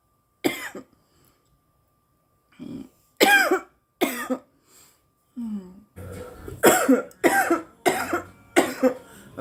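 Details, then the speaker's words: Girl with irritant cough after breathing in too much smoke: a bout of harsh, dry coughs with throat clearing, several bursts in close succession. "oh my God oh my God there's still tons of smoke in there it's because I breathed in too much air before I pulled it out"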